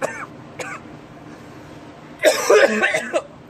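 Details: Coughing fit after inhaling vape: a couple of short coughs, then a harsh burst of rapid coughing and throat clearing, from a vaping cough compilation.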